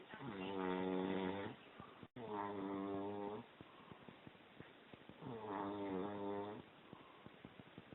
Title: Snoring Dragon